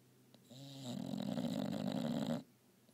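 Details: English bulldog snoring loudly during a nap: one long, loud rattling snore starting as a low drone and turning into coarse flutter.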